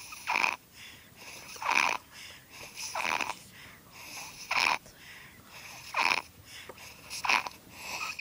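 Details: 7-month-old baby asleep in a car: loud, rough, hissing snores about every 1.3 seconds with quieter breaths between; snoring.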